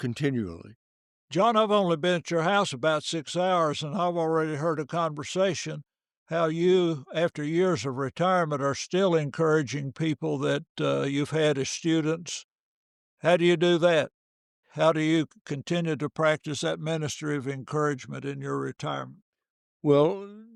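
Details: Adult man speaking; normal fluent speech.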